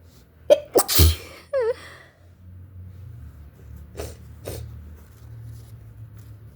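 Two forceful sneezes close together, then a sniff and a couple of fainter nasal sniffles; sneezing with a cold or flu.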